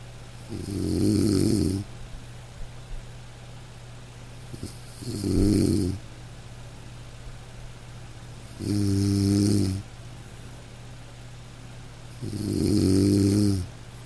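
Gentle, rhythmic snores on each breath, about 15 a minute, over soft rain; ordinary snoring during sleep.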